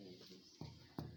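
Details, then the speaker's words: Chest percussion teaching demonstration over the left axilla at the 6th and 7th intercostal spaces: two short, flat taps giving a dull note. Dullness here was discussed as possibly due to consolidation, effusion, collapse or fibrosis. "فانا في ضنص عند السبيس رقم 6 والسبيس رقم 7. ايه سبب الضنص دوت؟"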